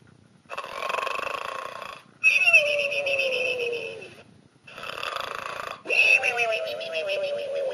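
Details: Pet pig, a birthday present, asleep: two long, rough, squealing snores, each following a quieter inhaled breath; snoring.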